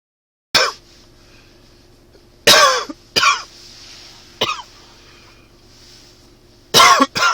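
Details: Several short, sharp, dry coughs from an adult, with throat-clearing quality and no wet rattle, attributed to spring allergies; dry cough.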